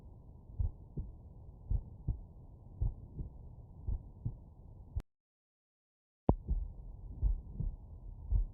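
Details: Normal heart sounds by stethoscope over the mitral area, subject lying on right side: slow, steady lub-dub at about 56 beats a minute with a brief silent gap.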